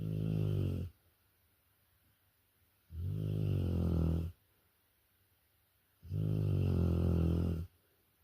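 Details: Rottweiler dog snoring heavily in sleep: loud, regular low snores lasting over a second each, about three in eight seconds with quiet pauses between.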